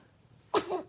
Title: Aww! Funniest Baby Sneezing Moments | Funny Baby Videos.